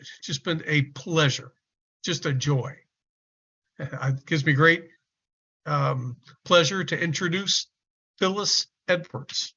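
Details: Adult male speaker; Normal fluent speech.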